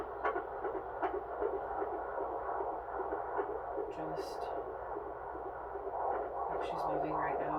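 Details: Doppler fetal heart tones recorded during a birth, as staff discuss whether the baseline is now a little higher than before; fetal heart tones.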